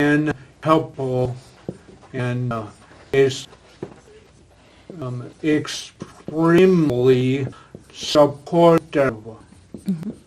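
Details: Adult man with aphasia following a stroke, a former professional attending an aphasia conversation group for support and communication practice; real patient speech showing aphasia.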